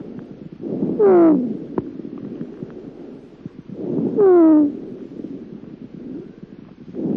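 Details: Breath sounds at about 19 a minute, each cycle carrying a short, falling, high-pitched whistle. This is a cavernous whistle, which can be heard when large lung cavities are present.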